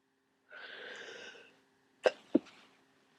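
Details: Person near the end of a cold with thick congestion: a drawn-out nose blow, then two sharp bursts from nose and mouth sounding like sneezes.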